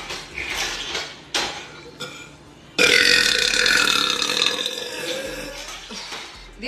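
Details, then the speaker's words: Woman belching after drinking a very carbonated drink that hurts: a few short sounds, then one long, loud, drawn-out belch lasting about four seconds; burping. "yeah I it's so carbonated it hurts yeah that that kind of hurts drinking it"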